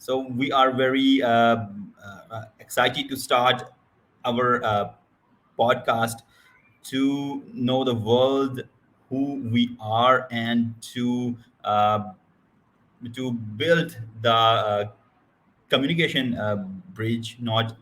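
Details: Adult male who describes himself as a person who stammers; stuttering.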